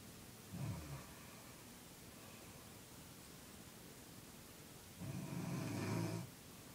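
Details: Grandmother snoring: rough, rattling inhaled snores with a long quiet pause between them, against steady room hiss.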